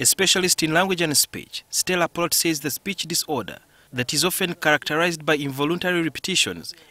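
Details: Adult speaker; fluent speech.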